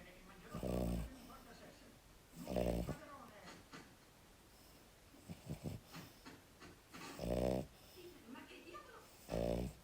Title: Il mio cane russa-my dog snores